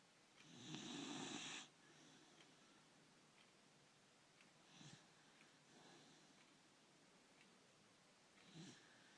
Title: Goldie snoring